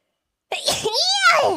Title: FIRST SNEEZE IN JAPAN